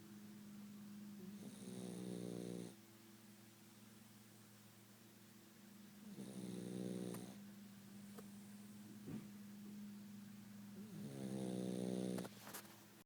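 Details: Rocko snoring: three rough, rattling snores about every five seconds, roughly 12 breaths a minute, with a low hum in the room.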